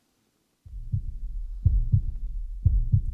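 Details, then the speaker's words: Normal heart sounds in a simulated ASMR exam of a young woman breathing normally: S1 and S2 only, no S3 or S4, rhythm within normal limits. "So your heart rhythm is within the normal limits. I didn't hear just S1 and S2, no S3 or S4."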